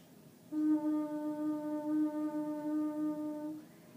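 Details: Clinician demonstrating a quiet, non-breathy /u/ on a different note during Vocal Function Exercises; normal voice (quiet, non-breathy phonation).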